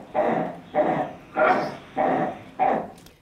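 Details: Rapid, harsh, rasping, non-musical breaths in a child, about every 0.6 seconds (near 98 a minute): inspiratory stridor with tachypnoea.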